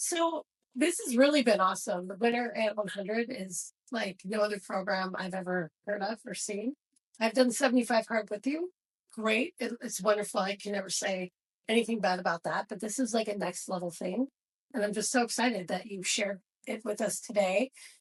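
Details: Adult woman speaking; normal speech.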